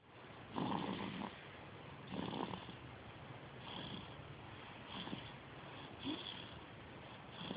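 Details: Sleeper snoring: soft rasping snores recurring every second or two over steady background hiss; snoring.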